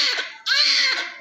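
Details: Newborn female delivered by LSCS, good Apgar score, vernix being cleaned with baby oil: loud, high-pitched, sustained cry with a strong, clear voice; normal healthy vigorous newborn cry.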